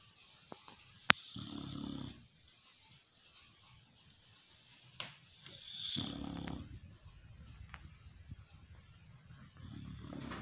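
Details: Sleeping Pitbull dog snoring: two loud, rough, low snoring breaths with quieter breathing and small noises between; ordinary snoring.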